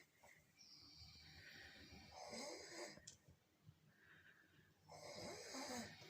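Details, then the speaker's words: Snoring during sleep: slow, noisy, rasping breaths with a fluttering snore on each inhalation, roughly every three seconds. "केटाहरू कस्तो खराटे लिइरहेछ है।"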